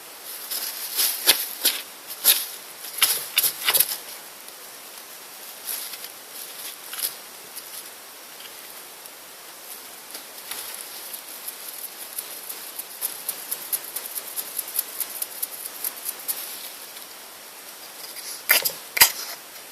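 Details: A female pet hedgehog's first sneeze: faint rustling with a few tiny, sharp, high-pitched bursts, the hedgehog sneezing.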